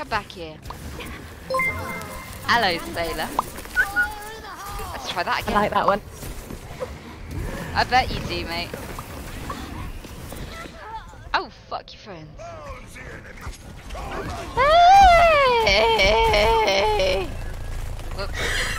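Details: Adult female with Tourette syndrome, speech repeatedly interrupted by involuntary swearing vocal tics: Tourette syndrome vocal tics with coprolalia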